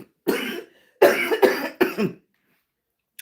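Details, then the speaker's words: Adult woman with lupus and anti-Jo-1 antibody lung involvement, never a smoker, gives four harsh, wet-sounding coughs, one then a run of three: chronic cough. "And lupus and the J Joe one antibbody affected my lungs. So, my lungs look like I smoke. And I have never smoked anything. anything. So that's why you'll hear me be um coughing"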